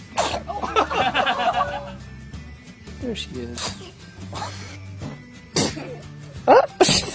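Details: Several short, sharp sneezes from babies, with music and adult voices saying "bless you" in the background; baby sneezing.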